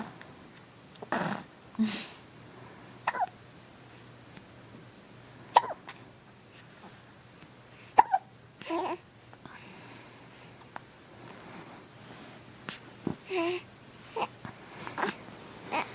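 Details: Infant girl with hiccups: brief, sharp, irregular catches of breath mixed with soft babbling in a quiet room.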